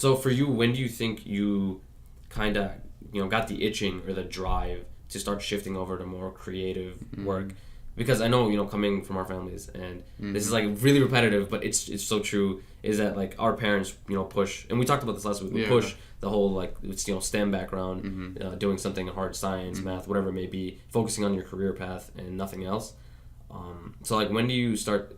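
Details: Adult male speaker; ordinary speech.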